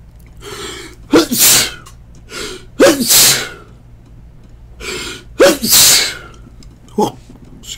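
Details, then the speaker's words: An adult sneezes three times in a row, each sneeze preceded by a quick drawn-in breath, in a quiet room. "me I hear it's better to sneeze then to hold it in because apparently if you hold it in you could like spontaneously combust or something"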